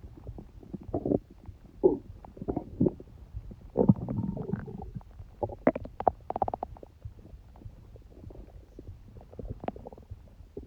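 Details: Stomach noises of a person who has a cold: irregular gurgles, clicks and low rumbles from the abdomen, typical active bowel sounds (borborygmi).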